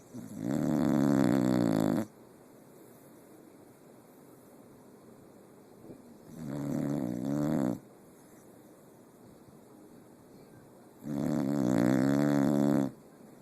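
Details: Slow, rhythmic buzzing snores, about three in 13 seconds, with quiet pauses between: snoring.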